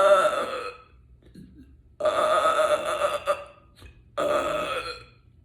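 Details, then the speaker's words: Voluntary burping in a person: three long, loud, deliberate belches with pauses between them. "I normally uh can do this when my stomach is empty and then I either eat or Put liquid on it so the natural gas just come out it's not a weird formula or something of the sort"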